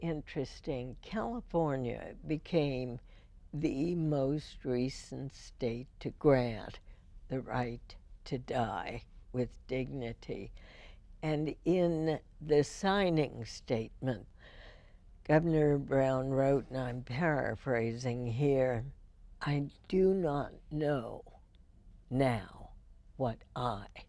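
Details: Spasmodic dysphonia in an adult woman, diagnosed 1998, treated every four months with botulinum toxin injections into the vocal cords; spasmodic dysphonia.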